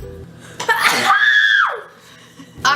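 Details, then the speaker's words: One loud sneeze with a gasping build-up and a long, drawn-out vocal release trailing down in pitch, over background noise; from a compilation of archived sneeze clips. "i sneeze and i hate sneezing i hate it if i could i would never sneeze i hate sneezing"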